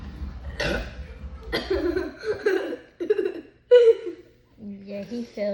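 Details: A person trying to drink a can of Sprite without burping makes several short, throaty, voiced burps mixed with chuckling; repeated burping after a fizzy drink.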